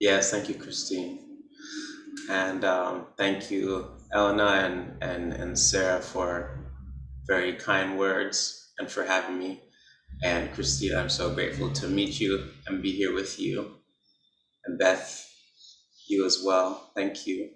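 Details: Man who describes himself as someone who stutters, with repetitions and blocks; stuttering.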